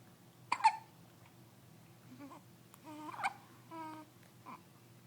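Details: 10-day-old baby who gets hiccups every day: a few soft, abrupt hiccup sounds mixed with quiet baby vocal noises in a quiet room.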